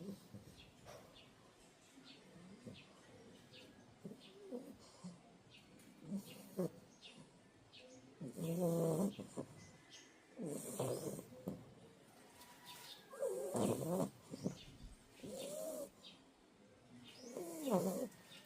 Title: Puppy snoring 😃